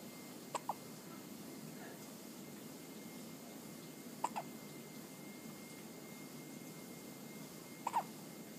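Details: Hiccups: three sharp, quiet double hiccup clicks about every three and a half seconds, roughly 17 a minute, over steady room hiss.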